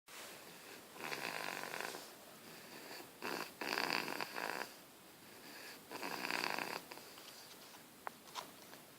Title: Funny baby snoring